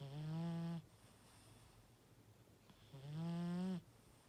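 Two long low buzzing snores on in-breaths, about three seconds apart, with quiet exhalation between: ordinary snoring.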